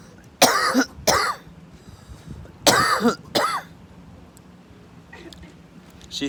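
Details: Two pairs of forceful, deliberate coughs from an adult in a coughing contest, separated by a brief pause; voluntary cough.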